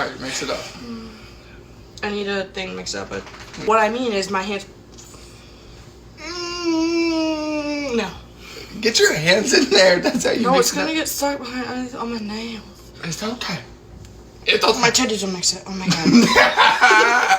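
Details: Person living with Tourette syndrome, filmed while cooking, with vocal tics including a repeated word and sudden exclamations: Tourette syndrome vocal tics.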